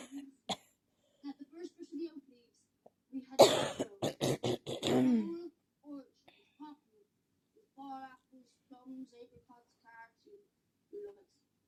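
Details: A burst of about six rapid, harsh coughs ending in a strained breath, with quiet throat noises before and after; a really bad coughing fit.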